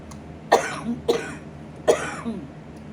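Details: Adult with a bad lung infection and chest congestion, using a nebulizer and inhaler, not on oxygen: three harsh coughs in close succession over about three seconds with faint room noise; a short coughing spell.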